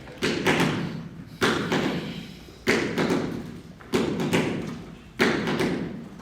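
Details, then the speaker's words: Slow, regular heart sounds at about 48 beats a minute, each beat with an extra third sound at the end, presented as the sound of acute heart failure: an S3 gallop. "You're going to hear this third sound, but it's going to be at the end."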